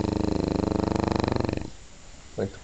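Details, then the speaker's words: English bulldog snoring while awake: a loud, rattling, rasping inhalation with fast pulsing vibration, then a quieter exhale. "I'm lazy dog you're awake while you snoring"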